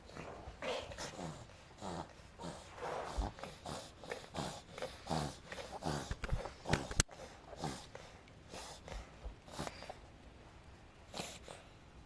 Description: Adina, 5 months old pug girl, suddenly started to run like crazy, and then started to reverse sneeze. The video was taken after that, but still she seems to be hard to breeze.